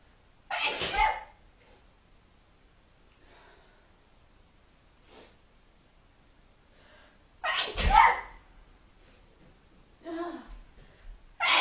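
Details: Two sharp, explosive sneeze bursts with quiet between and a softer third burst at the end, in a quiet room; sneezing.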